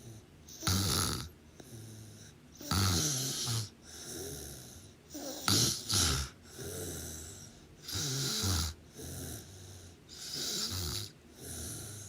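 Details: Sleeping person: loud, rattling snores on each in-breath separated by quieter out-breaths, about two dozen a minute; ordinary heavy snoring.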